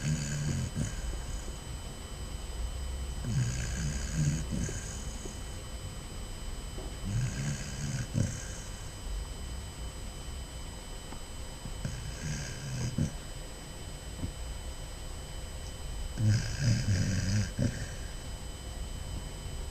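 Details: Sleeping Basset Hound puppy: low rumbling snores with soft whistling on each breath, about every 4 to 5 seconds (roughly 13 per minute), with steady room hum behind; snoring.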